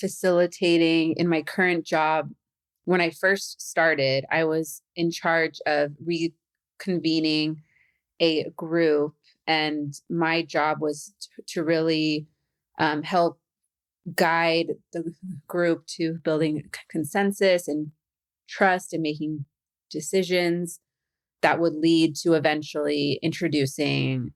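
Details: Adult woman who stutters, a stuttering podcast host, with a stutter of pauses and blocks that she says she has become good at hiding; stuttering.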